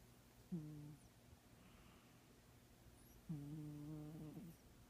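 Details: Manx cat with feline herpes (occasional watery left eye) in very deep sleep: two soft, low humming snores a few seconds apart over faint room noise; snoring.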